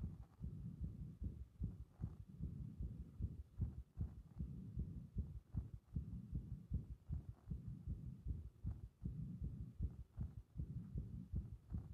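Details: Heart under compression with repeated arrhythmia: low thudding heartbeats with uneven spacing and clustered extra beats throughout.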